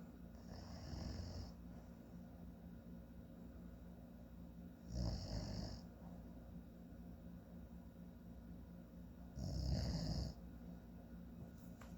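Three loud, low rattling snores on breathing in, about 4–5 seconds apart, over steady room hum; ordinary snoring.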